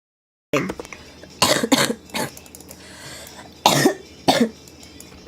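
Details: A girl coughing: a run of short, harsh coughs with throat clearing between them.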